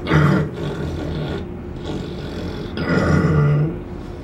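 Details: Pig snoring: deep, rough grunting snores, two long rumbling breaths.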